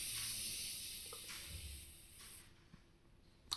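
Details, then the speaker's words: A soft hiss of air escaping and fading over a few seconds, ending in a faint click, as a Welch Allyn mercury-free handheld aneroid blood pressure cuff (adult size 11) deflates through its release valve in a demonstration. "now release 100 air releaser it's release now again tight and release"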